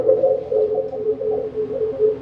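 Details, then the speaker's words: Rhonchi played as a teaching example: a loud, steady, low snoring-like tone rising and falling with breathing, not a wheeze or crackles, from phlegm moving back and forth in the large airways (bronchi). "Yan ang rongkay. Ang rongkay, di ba, parang may isang sound lang. Hindi naman siya huni, hindi siya crackles. Plema din siya. Pero ang plema, malaking daanan."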